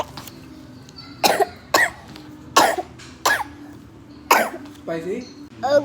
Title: ignore my lil cough-